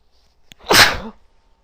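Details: Female sneezing into tissues, triggered by bobby pins: brief intake, then one forceful, sharp noisy burst of air fading over about half a second.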